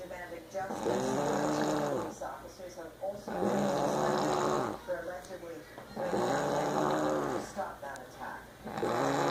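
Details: A mother sleeping on a couch snoring heavily: loud, rattling snores on each in-breath about every three seconds, with quieter out-breaths between; snoring.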